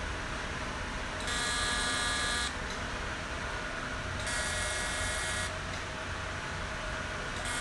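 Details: CO2 fractional laser handpiece firing during facial open-pore treatment, skin tightening and acne-scar removal: bursts of high buzzing pulses, each about a second long, over a steady machine hum.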